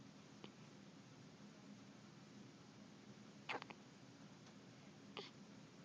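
A few short, sharp hiccup sounds against quiet room noise, irregularly spaced. Hiccups.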